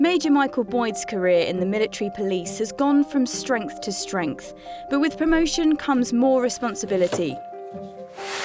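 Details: Adult narrator; normal speech.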